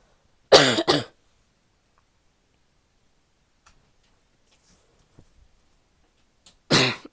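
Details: Three harsh, barking coughs with a wet, loose quality, a pair followed later by a single cough; wet barking cough.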